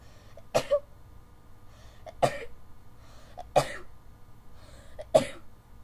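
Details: A sneezing fit blamed on bad allergies: four sharp, explosive sneezes in about six seconds, each after a brief catch of breath.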